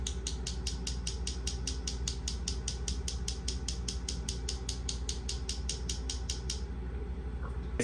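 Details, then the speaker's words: Focused shockwave therapy on a marathon runner's injured hamstring area during active range of motion and loading: rapid sharp tapping clicks, about two and a half a second, like a tiny jackhammer, stopping near the end. "we're going to have her go through kind of an active range of motion active loading into the tissue as we're delivering some of the shock wve into uh the area where she had the original injury"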